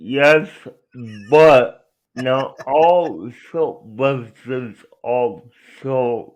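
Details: Adult man speaking; dysarthria.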